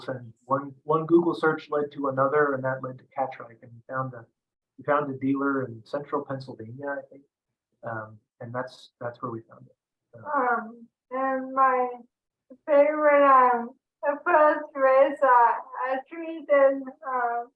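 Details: Adult speaker; normal speech.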